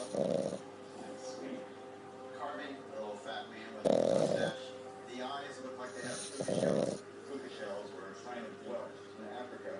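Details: French bulldog pup sleeping after a long walk: three rough snoring breaths over a steady background hum and faint talk: snoring.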